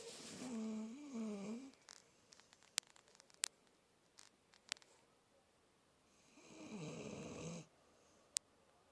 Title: Bailey snoring